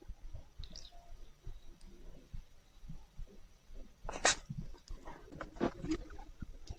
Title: Ежик чихает 1 минуту. Hedgehog sneezes.